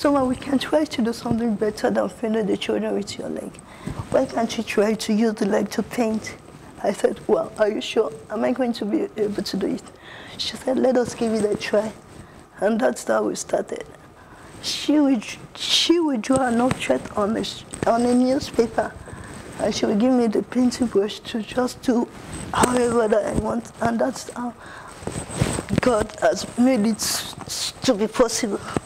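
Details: Adult woman with cerebral palsy, an artist who paints with her leg rather than her hands; dysarthria in cerebral palsy.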